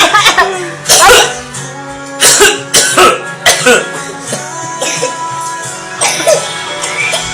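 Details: A child gives about six short, harsh coughs, singly and in pairs, over steady background music.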